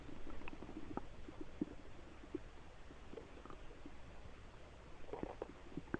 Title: More stomach noises